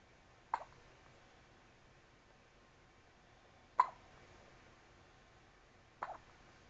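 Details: Newborn baby with hiccups: three brief, sharp hiccups a few seconds apart in a quiet room.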